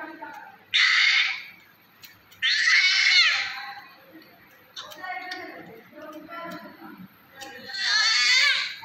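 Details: Newborn with grade 2 meconium aspiration crying during nasogastric tube insertion for stomach wash: loud, high-pitched cries in bursts with strained wails.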